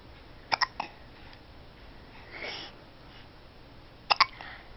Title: Baby Hiccups